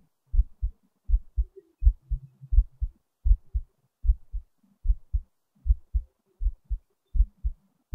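Clear low paired lub-dub heart sounds, about 80 beats a minute, steady rhythm.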